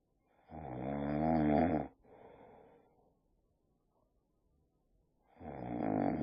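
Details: Boxer dog resting, tired after a long walk, snoring with eyes open; loud rattling inspiratory snores, each followed by a softer exhale and a pause.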